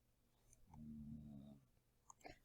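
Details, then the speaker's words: Pit bull snoring in the background while asleep: one low, rumbling, buzzing breath of about a second, then quiet with faint clicks. "any of you those hearing noise in the background that is my pit bull chat snoring say hi jack he was not amused anyway I just kind of shook him and said stop snoring so hopefully we won't hear that anymore"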